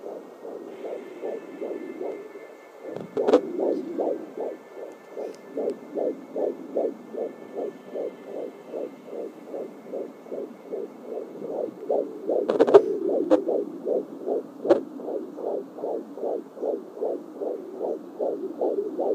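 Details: Fetal heartbeat at 14 weeks 6 days on a home Doppler: rapid, regular whooshing pulses about 150 per minute, with fuzzy static possibly from the baby moving while the mother stayed still.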